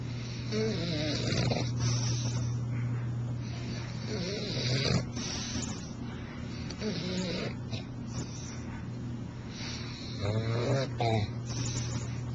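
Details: Bulldog snoring: rough, rattling breathing noise with snorting bursts over a steady background hum.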